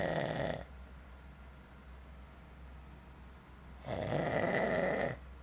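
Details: Person snoring in a motel room: two rough, rumbling snores separated by a quiet pause, with a steady low hum in the room; ordinary snoring.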